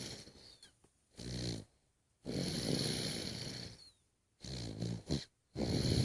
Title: Snoring old man